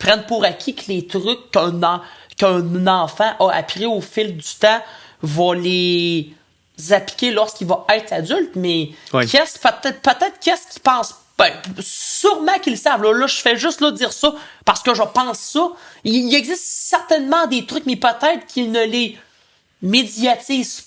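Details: Male podcast co-host who stutters, speaking French in conversation; stuttering.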